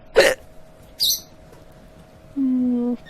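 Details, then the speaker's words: Hiccups in an adult streaming live, who says nothing helps: two sharp, abrupt hiccup bursts about a second apart, followed by a brief voiced sound, over a faint steady background hum. "uh oh S I got excuse me there's nothing I can do here I wish they sound like bird chirps be a lot cuter right"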